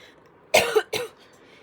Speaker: don't mind if you hear me coughing that's just because of my asthma